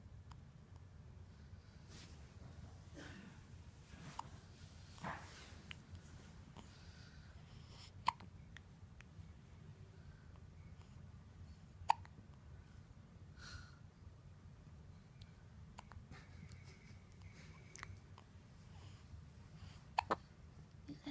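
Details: Baby's hiccups: faint, brief catches at irregular intervals over steady room noise.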